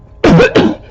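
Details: One loud, harsh, two-part cough with a hoarse, honking quality close to the microphone, recorded in 2014 from a person with a long-standing recurring barking cough; a barking cough.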